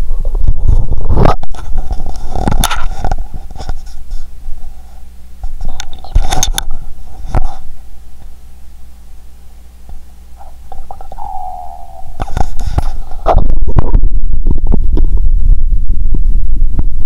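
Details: Own abdomen after fasting over 15 hours: bowel sounds.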